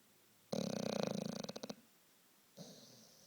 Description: The sleepyhead was having some kinda dream (corner of his mouth and eyebrow gently twitching) and I just had to film him snoring like that. :)